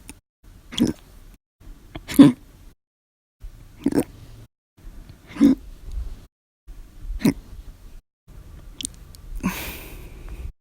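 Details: Adult with violent, loud, silent and minute hiccups after lunch: repeated sharp, abrupt gulping sounds at irregular intervals.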